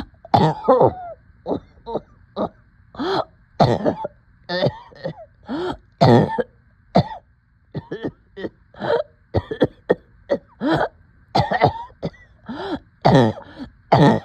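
About twenty short, harsh coughs and throat-clearing bursts in quick succession over fourteen seconds; repeated coughing with shortness of breath.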